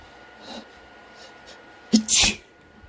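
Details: Adult sneezing from allergies, with congested voice and sore throat: a sharp intake followed by one loud, explosive sneeze; sneeze.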